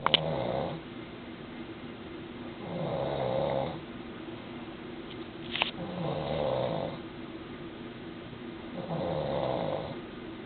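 Four rumbling, nasal snores about three seconds apart, roughly 20 breaths a minute, over room noise and a few bumps; plain snoring.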